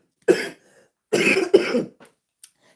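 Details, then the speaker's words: Adult woman on a livestream: three short coughs in a quiet room, the second and third close together. "You know, they used to teach you not to talk with candy or anything in your mouth. But I got to cuz I don't want to start coughing on y'all."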